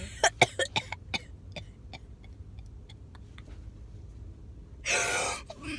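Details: A person who says they are sick, in a car on the way to gymnastics, has a burst of about six quick, dry coughs in a row, then quiet and a brief rustle; cough.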